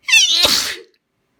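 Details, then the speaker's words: Person repeatedly saying they are about to sneeze: a quick voiced in-breath, then one sharp, explosive, hissing sneeze that fades within a second. "Oh. Gonna sneeze. I think I'm gonna sneeze again. Gonna sneeze again, I think."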